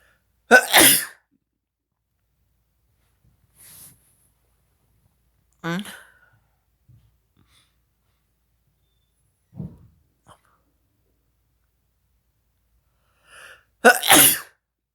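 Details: Person with a tickly nose sneezing twice, forcefully, about thirteen seconds apart, with quieter breaths and short vocal sounds between.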